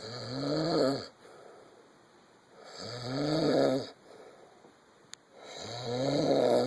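Rhythmic rising snores on each breath, about three in under seven seconds, with quiet pauses between; ordinary snoring.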